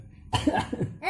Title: Nah loh batuk diketawaain 🗣🙈